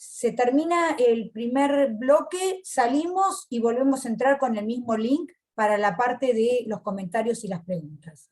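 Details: Adult speaker; normal voice.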